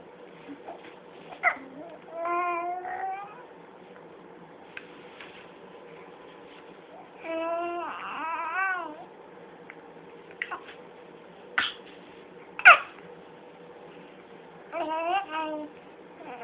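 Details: Infant playing with a toy despite hiccups: babbling and brief fussy, cry-like vocal bursts with a few short sharp catches, no sustained distressed crying; infant cry.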